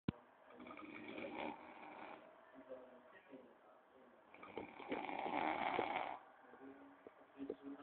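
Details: Heavy snoring: long, rough, buzzing breaths rising and fading over several seconds.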